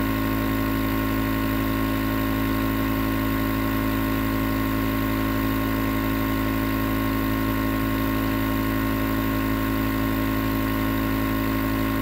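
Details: Nebulizer compressor running continuously for 20 minutes as sleep white noise: steady motor hum with a low buzzing drone.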